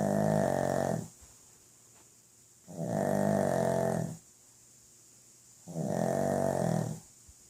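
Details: Sleeping dog snoring: loud, deep, rattling snores on each in-breath, about 22 breaths a minute, with quiet pauses between.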